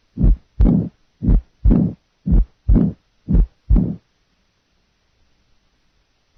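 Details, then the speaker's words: Pericardial friction rub, diastolic component only, added to a heart beating 60 times per minute on a teaching recording of heart sounds. "listen to a heart beating 60 times per minute then only the diastolic components of the rub will be added"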